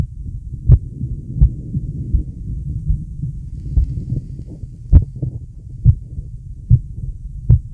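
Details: Adult male heartbeat with deep breaths: regular low thumps at about 75 per minute over a soft, low rumble of breathing; normal heartbeat.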